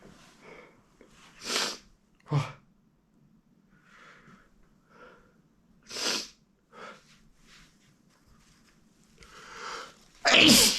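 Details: Morning spray sneezes: a run of about four forceful, spraying sneezes with sniffs and breaths between them; repeated sneezing.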